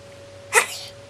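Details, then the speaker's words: An infant girl lying on her quilt gives a single short, sharp sneeze in a quiet room with a faint steady hum. "Bless you. Oh my goodness. They're quite the sneezes."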